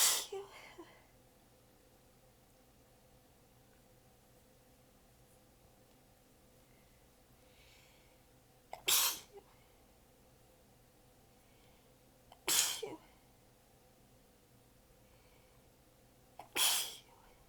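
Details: Four sharp, hissing sneezes spaced several seconds apart in a quiet room; a tired, partly held-back sneezing fit, recorded while exhausted with sore abs, sneezes bitten back a little and position changed between segments.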